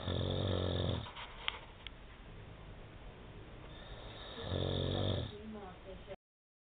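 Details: Husband asleep on a sofa, snoring: two loud, low, rattling snores on the in-breath, separated by quiet breathing; ordinary snoring.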